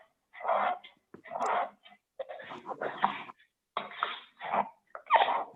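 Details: Cough from large-airway obstruction in a pulmonology clinical-exam teaching recording on abnormal auscultation; a foreign body in the large airways is mentioned.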